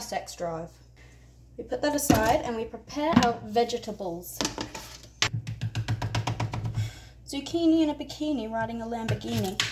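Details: Vocal tics (Tourette syndrome) in a female, with out-of-context phrases interjected.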